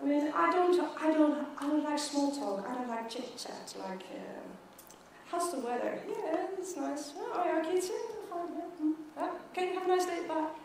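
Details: Stuttering in an adult woman who has stuttered since age 9, with blocks where her mouth opens and no sound comes out.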